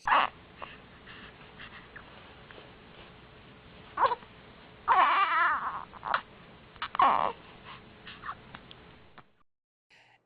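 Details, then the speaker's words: Squeaky, high-pitched infant cry in short separate bursts over low room hum, cited as a sign of gas along with kicking legs up; infant gas cry. "तो यह है उसके symptoms बच्चा पैर ऊपर करके मारने लगेगा या फिर उसकी जो रोने की आवाज होगी वो थोड़ी स्क्वी की काइंड ऑफ होगी"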